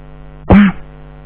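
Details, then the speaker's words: Adult with a mild breakthrough COVID-19 infection after two vaccinations, who also has a mild sore throat, stuffy nose and sinus pressure: one short, throaty cough over a low electrical hum. The cough is described as not too bad. "i have a little stuffy nose but it's not running it's just kind of a little bit of sinus pressure and i have a cough it's not too bad"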